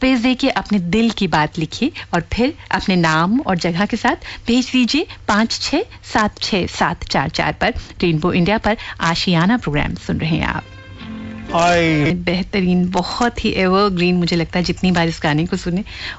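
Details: Adult radio presenter; normal fluent speech.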